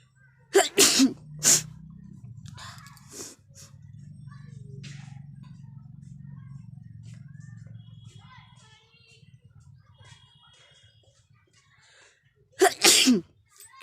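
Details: Sneeze and nose-blowing challenge: sneezing is deliberately provoked by poking a grass flower, then two sticks, into the nose, with eyes and nose streaming. Several sharp, explosive sneezes, with humming and faint background sounds between them.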